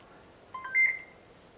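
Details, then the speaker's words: Short electronic beep tones from an AIRVO 2 high-flow nasal cannula machine as its mode button is held for a few seconds, switching from junior back to adult mode during setup. "we have to select a adult mode or a junior mode to select we have to press this button for few seconds"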